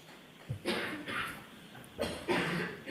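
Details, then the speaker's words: Two short, sharp adult coughs against quiet room noise, heard during courtroom testimony. "At some point, first of all, what's with the coughing?"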